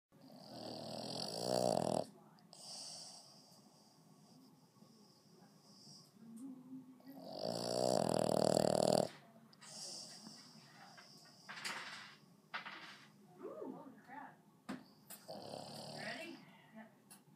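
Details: Snoring from a pet dog napping: two long, loud, rattling snores with quieter snuffly breaths between them, faint voices in the background.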